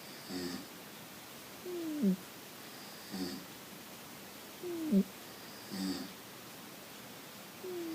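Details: A man asleep on a couch and a cat snoring at the same time: soft, breathy snores alternating with short squeaky whistling sounds on the breath, about 20 a minute.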